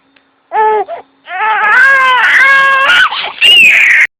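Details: Baby girl being rocked, startled by a sudden loud sneeze from the adult holding her: loud, high-pitched wailing cry in sustained bursts with short catches of breath.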